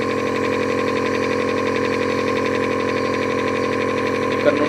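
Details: Compressor nebulizer with mask running for a baby's cough and cold: a steady, unbroken buzzing hum of a small motor turning liquid medicine into an inhaled mist.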